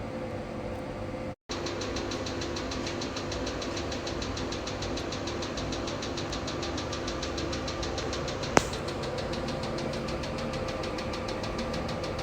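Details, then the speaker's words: 808nm diode laser hair removal machine operating after gel is applied to the treatment area and parameters are set: a steady machine hum with fast, even pulsed ticking as the handpiece fires. "okay now we will start the hair removal trimmer before doing this trimmer we need to put the gel on the treatment part and after that we should set the parameter on the screen"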